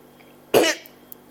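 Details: Persistent cough that won't stop: a single short, harsh cough burst in a quiet room.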